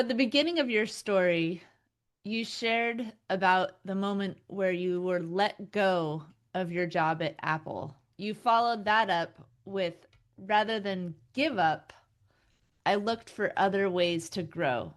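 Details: Adult woman (interviewer); normal speech.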